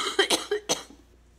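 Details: Run of four quick, forceful coughs from an adult woman with cystic fibrosis in a quiet room, during a brutal coughing attack; repeated coughing in cystic fibrosis.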